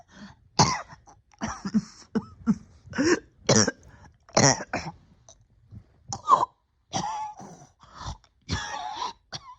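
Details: Persistent cough in a person sick since the end of the previous year, struggling with breathing for about a year: about a dozen harsh coughs and throat clearing in close succession.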